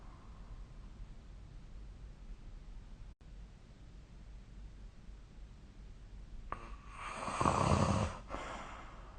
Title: 🐽 Snoring Sleep Sound